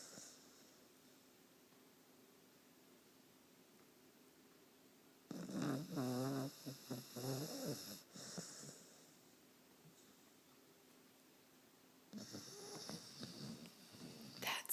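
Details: A sleeping pet snores in two loud, rough bursts separated by quiet stretches.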